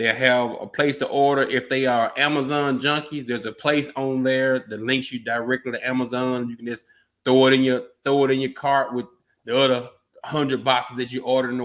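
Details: Adult man speaking; Normal speech.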